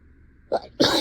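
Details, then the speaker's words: Acted sneeze during a role-played class lesson on the water cycle: a brief wind-up breath, then one loud explosive sneeze in a desperate sneezing fit while the teacher keeps talking; sneeze. "guys just be just because I'm sneezing does not mean this is does not mean this is time to Talk Amongst yourselves okay"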